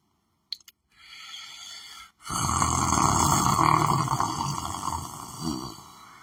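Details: Person sleeping while lying on the floor of a room: a soft inward breath, then a long, loud, harsh rattling snore lasting several seconds; snoring.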